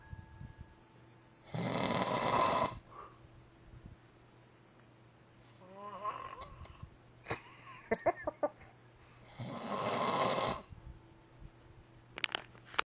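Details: Adult's heavy snoring during the night: two loud, rough snores about eight seconds apart, with quiet breathing and small noises between them.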